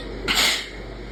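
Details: An induced sneeze: a single short, sharp hissing burst of air.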